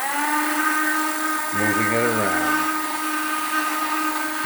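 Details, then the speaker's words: Handpiece fitted with an implant driver, used to clean soft tissue and bone from over the platform of a TSI implant in the lower first bicuspid area: a high, steady motor whine that dips in pitch as it loads, then steadies. "it can be used both with a thumb wrench or it can be used in a handpiece by using a driver putting it on a driver and"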